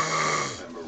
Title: My boo boo snoring